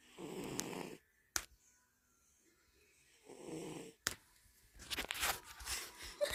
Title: cat snoring